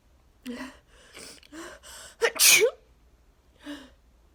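Series of gasping inhalations building to one loud explosive sneeze, then another breath in; part of a repeated allergic sneezing fit.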